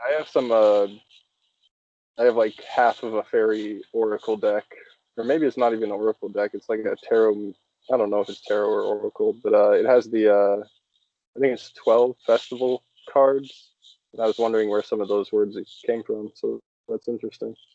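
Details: Adult male speaker; no speech disorder.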